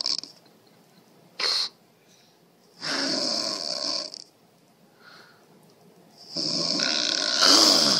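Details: A mother snoring during sleep: irregular hissing, rasping breath noises with quiet gaps between them.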